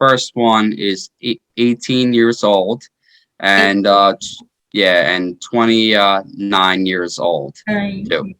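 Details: 33-year-old man with aphasia after a stroke in 2019, which followed repeat heart surgery that year; earlier heart surgery at age 16; initially unable to speak or move; aphasia.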